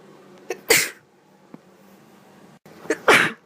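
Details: Girl sneezing: two sneezes about two seconds apart, each a short catch of breath and then a sharp, hissing burst.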